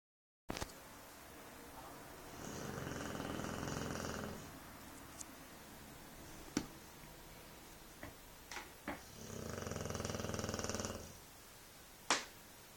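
Two long, fluttering, rattly snores several seconds apart, with light clicks and room noise between them.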